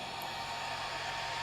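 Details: Steady whirring fan hum of a Philips Lumea Prestige handheld IPL hair-removal device held down continuously with the trigger pressed, used on the lower leg and knee area.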